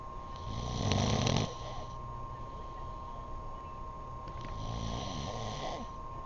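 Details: Snoring: loud, low rattling snore on the in-breath, then quieter breathing and another softer snore; steady hum in the background.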